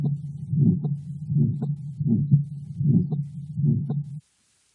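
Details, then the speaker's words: Aortic stenosis: regular heartbeat near 77 per minute with a rumbling crescendo-decrescendo systolic ejection murmur between S1 and S2, caused by left ventricular ejection. "o de Crescendo murmur it's also called an ejection murmur because the crescendo de Crescendo pattern is caused by the ejection of blood from the left ventricle"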